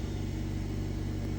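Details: Yuwell 9F-5AW oxygen concentrator, about three years old, running after its molecular sieve beds were refilled, giving 95.6% purity at 5 LPM: a steady low mechanical hum with a rhythmic compressor rumble.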